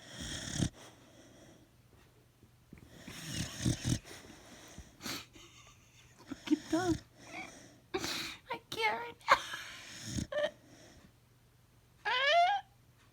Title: My Dogs Just Snoring